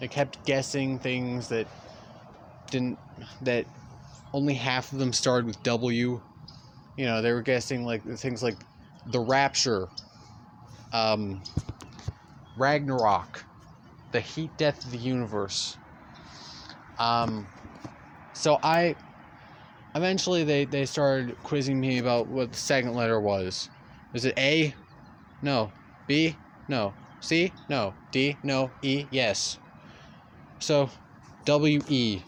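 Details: Stuttering in a male speaker who stutters throughout continuous storytelling.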